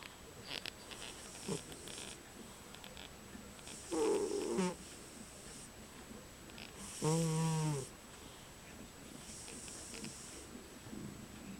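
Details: Sleeping pet cat, described as dreaming, snoring with two loud rattling snores on inhalation, about 20 breaths a minute, over quiet room noise.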